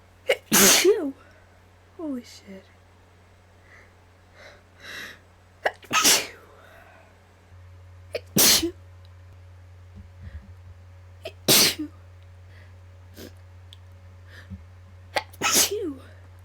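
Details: Deliberately induced sneezing: five loud, sharp sneezes, each with a quick intake before the burst, with a few quiet breaths between them in a quiet room.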